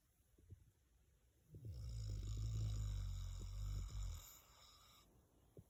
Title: Sneaking snuggles while he snores